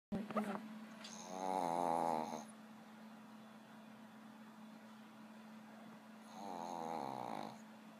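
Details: Female pug sleeping: two long, rattling, tonal snores about five seconds apart over a steady background hum.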